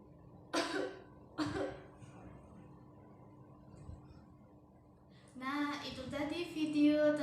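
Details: Two short, staged coughs in a quiet room, followed by the start of speech, in a student's demonstration of correct and incorrect cough and sneeze etiquette: simulated cough.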